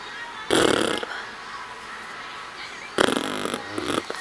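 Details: Person sneezing repeatedly, with someone saying "bless": two loud, sudden sneezes against steady room noise, the second followed by smaller puffs.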